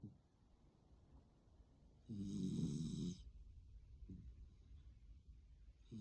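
One loud, low, buzzing snore lasting about a second, then quieter breathing with faint snorts: noisy snoring in a small dog.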